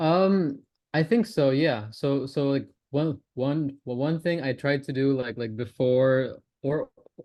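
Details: Stuttering (stammering) in a male participant in a stammering-association online practice group who says he openly discloses his stammer and uses voluntary stammering.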